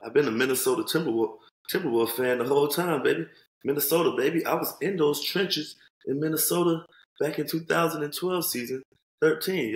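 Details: Adult man speaking; Normal voice.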